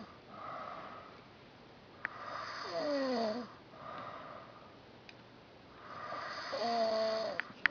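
Breathy, rasping breaths with a faint whistling squeak on some, in a quiet room; a light snore.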